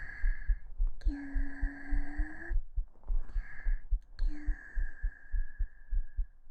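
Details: Soft, regular heartbeat thumps at about 100 a minute, which the speaker calls a slightly fast pulse, recorded with a 3Dio binaural mic during a hugging, lying-down sleep ASMR under whispering; normal heart sounds.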